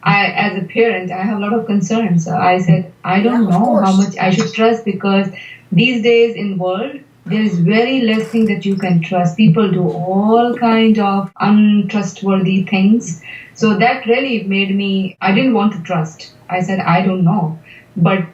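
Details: Adult woman speaking; typical speech.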